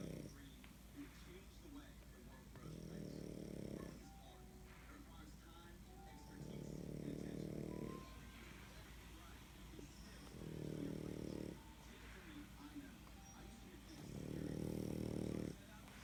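Four rough, rattling snores, about fifteen a minute, with quiet pauses between them and faint background sounds: snoring in a sleeping dog.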